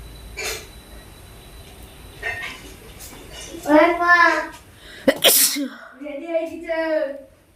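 A voiced 'ah' build-up, then a sharp explosive burst and a drawn-out voiced tail: a single loud sneeze in a quiet room.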